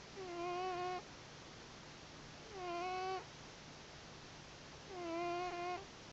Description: My cat Gremlin snoring on the pillow next to my head.